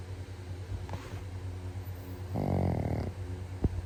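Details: Dog snoring: a single low fluttering snore on an in-breath over steady room hum, then a short snort.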